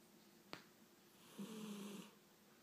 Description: Clip of the cutest cat asleep and snoring